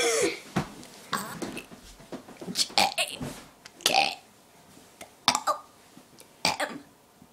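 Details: Friend deliberately burping the alphabet: rapid series of short belches, some shaped into letter sounds; voluntary burping.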